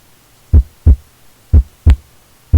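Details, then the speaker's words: Simulated Korotkoff sounds in a surgery simulator video game: low, dull thumps every 0.3 to 0.7 seconds as the blood pressure cuff deflates before a dental implant operation. "Now, loosen the screw at the bottom of the bulb, and when you hear the sound of the pulse start again, record the reading on the dial. When you can no longer hear the pulse sounds, read the dial."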